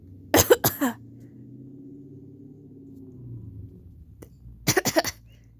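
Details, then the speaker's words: Adult human coughing with allergies: two short clusters of dry coughs, three then four, separated by a quiet pause with a faint background hum; cat nearby reacts with annoyance. "I'll try to keep the coughing down low."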